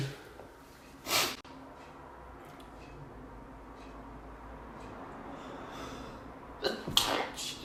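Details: End of a sneezing fit of about 25-30 sneezes: one sharp, explosive sneeze, a long quiet pause, then a burst of two or three wet sneezes with snorting at the end.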